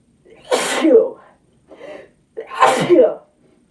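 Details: A woman sneezes twice after taking Chhinkni sneezing powder, which she says burns. Each sneeze has a sharp intake and explosive release, with a short soft vocal sound between them; induced sneezing.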